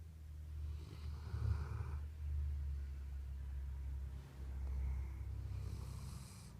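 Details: Sleeping dog snoring: low, rumbling breaths with soft rasping snores over a steady low room hum.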